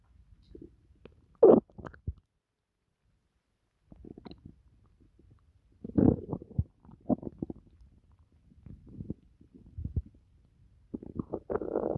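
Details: Bowel sounds (borborygmi).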